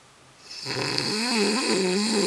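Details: A quiet start, then a drawn-out rattling, faintly whistling snore from a sleeping adult man in a small room: snoring.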